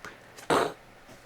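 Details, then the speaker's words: Adult woman with a lot of phlegm who no longer feels sick: a short, forceful, gravelly throat clearing, loud and rough. "that sounded really gross, but I have a lot of phlegm. Like, I don't feel sick anymore, but so this was grocery."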